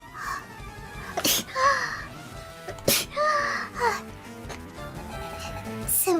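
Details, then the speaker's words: Several abrupt, explosive sneezes over light background music and voice; sneezing. "I'm going to sneeze. Excuse me."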